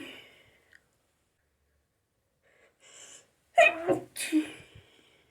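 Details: Sneezing fit after a shower: soft breaths, then one loud explosive sneeze with a short trailing breath.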